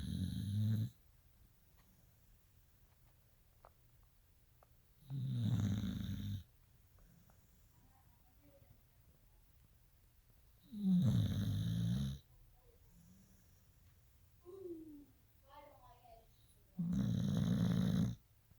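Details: Snoring recorded in 2020: four loud, low, rattling snores roughly every six seconds, about ten a minute, with quiet between them.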